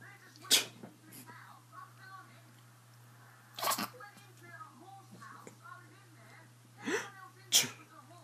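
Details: Dog sneezing: four sharp, hissing sneezes, the last two close together, with faint voices in the background.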